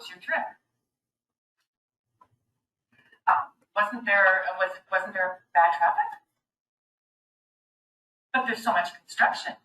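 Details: Aphasia, an acquired language disorder typically caused by brain injury, in a person conversing with a communication partner who uses a map for support; finding: aphasia.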